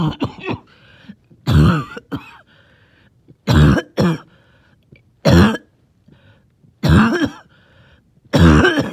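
Six harsh, wet coughs in bursts, each trailing a faint whistling, rattly breath in, fitting a wheezy, phlegmy productive cough.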